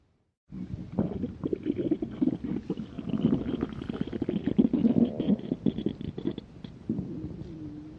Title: Stomach Growling of Hungry 🍟🍟🍟🍟🍗🍗🍗🍗❤️❤️❤️